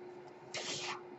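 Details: Brief hissing rush of air over a steady low hum, audible in the background of a male podcaster's speech; a mechanical ventilator breath.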